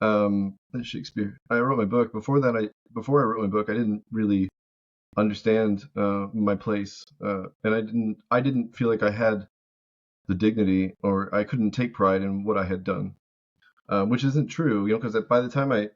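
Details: Adult man living with Tourette syndrome produces a word as a vocal tic while speaking; vocal tic (Tourette syndrome).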